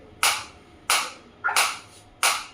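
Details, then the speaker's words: Focused (not radial) shockwave therapy device, operator self-applying to own hand, frequency raised in steps of 30 to 120–150; sharp, evenly spaced snapping pulses, about four in 2.5 seconds, sound changing with frequency. "120 in the multiple of 30 it will increase you can feel the difference you can feel the difference in the sound also and I can feel the difference in my hand also"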